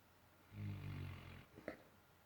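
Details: Sleeping dog snoring and bubbling: a single low, rumbling snore on the in-breath that ends with a soft snort.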